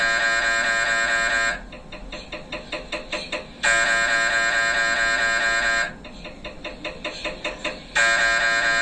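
Loud sustained electronic buzzing alternating with rapid rhythmic knocking pulses, the typical acoustic noise of an MRI scanner running imaging sequences.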